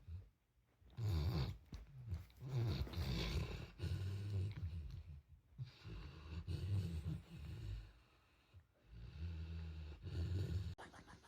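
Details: Deep, rumbling, low-pitched snores from a sleeping pet (cat or dog) in uneven stretches with brief pauses between breaths; loud snoring.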